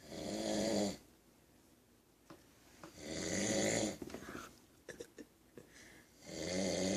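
Loud, rough snores on each breath in, about 20 a minute, with quiet pauses between.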